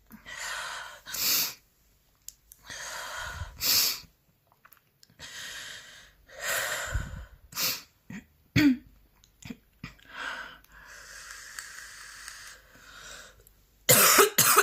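Repeated forceful cough bursts between loud breaths in and out, part of a prolonged coughing fit.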